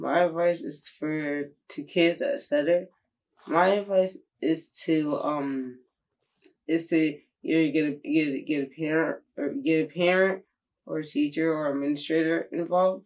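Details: Middle-school student who stutters; stuttering.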